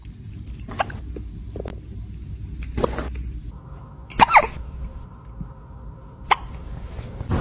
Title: FUNNY Kitten Hiccups That Will Make You Laugh!#ytshorts #cat #viralshorts #trendingshorts #usashorts